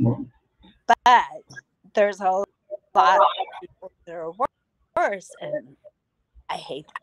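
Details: Woman about nine years after hemorrhagic strokes caused by a carotid artery tear, which left her unable to talk; she relearned speech with a speech pathologist through singing. Post-stroke aphasia.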